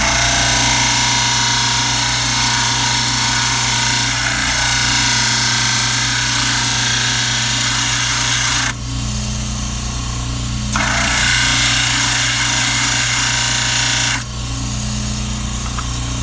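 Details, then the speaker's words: Loud, steady grinding whine of a model trimmer, briefly easing as the cast is lifted, flattening the base of a stone dental cast before pindexing. "set it on the table push evenly on both sides and I want the base of the calf to be parallel to the approval purpose and we'd have the grind would be a base of perfectly flat"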